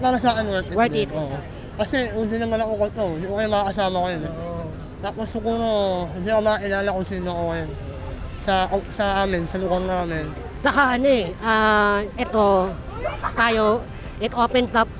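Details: Young man who had palate surgery as a child and learned to speak late; hypernasal speech after cleft palate repair.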